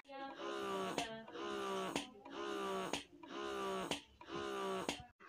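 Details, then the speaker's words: Pigeon GoMini double electric breast pump being tried, suction raised from level 1 to level 2: rhythmic whirring suction cycles, about one per second, each ending in a soft release click. "Sekarang kita mau coba untuk eh ngepam pinknya kita pijit yang Air ini ya yang gambarnya Air ini disini baru level 1 pun kita coba naikin ke level 2"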